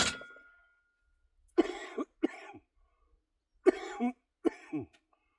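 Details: Productive cough in an adult during a back and biceps workout; reports lung function of only 46% and getting winded, panting and gasping for air.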